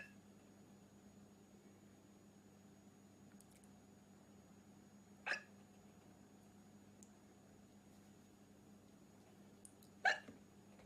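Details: Woman in a black dress: two brief, sharp hiccups about five seconds apart in a quiet room with a steady hum; hiccups.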